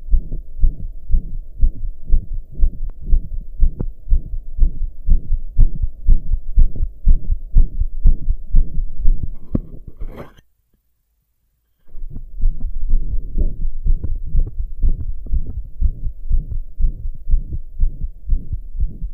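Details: Own heart recorded lying down, tired after pounding hard for hours: a fast, regular heartbeat around 120 a minute with a loud whooshing quality between beats, a heart murmur; brief dropout midway.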